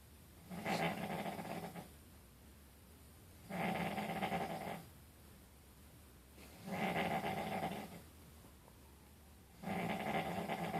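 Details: Snoring.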